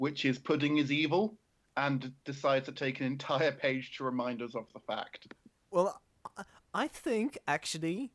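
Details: Adult male speaker; ordinary speech.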